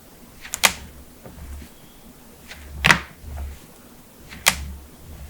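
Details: Head-to-toe joint cracking compilation (knuckles, backs, necks, toes, ankles, hips, wrists, jaws): three sharp, brief pops a couple of seconds apart in a quiet room, typical of joints cracking (cavitation).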